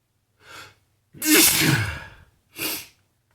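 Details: Person who has been sneezy all morning, unsure whether from spring allergies or a cold: a quick breath in, then one loud, forceful sneeze and a short breath out.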